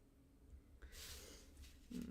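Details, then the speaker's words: Snoring from a sleeping female, heard in the background during a live craft session; her species is not stated. "My goodness, she's really snoring. Can anyone hear that?"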